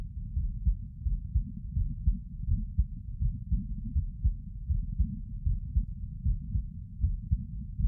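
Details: Steady low heartbeats at about 80 per minute with no extra noises, recorded sitting; normal heart sounds.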